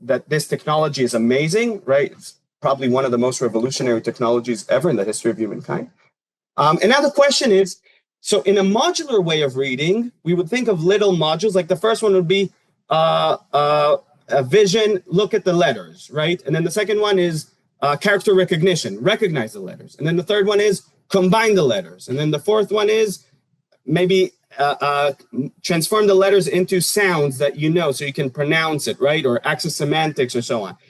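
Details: Adult lecturer; normal speech.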